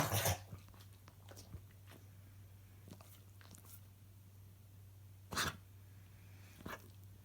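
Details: Dog having a possibly mild coughing fit: a few short, harsh cough bursts, spaced apart, over a steady low room hum.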